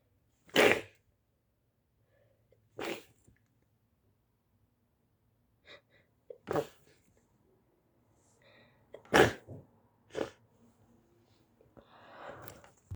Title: my little brother can't stop sneezing he is sick